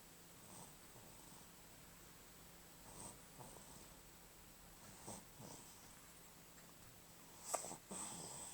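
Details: Female sleeper snoring softly, recorded 5/12/11: quiet, rough breaths every couple of seconds with a faint whistly edge in a quiet room.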